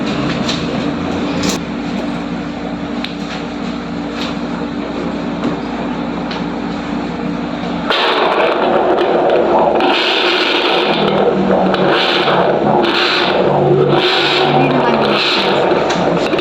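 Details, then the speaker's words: Fetal heartbeat on a fetal Doppler at a prenatal check-up, baby in breech position: fast, regular whooshing pulses over hiss. "Dito ay maririnig natin ang heartbeat ni baby at mga payo sa akin ni Doc kasi suhi nga po si baby."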